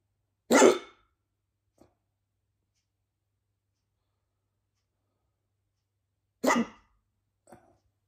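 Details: Bad hiccups at Christmas: two abrupt, loud hiccups about six seconds apart, each followed by a faint softer sound, in a quiet room.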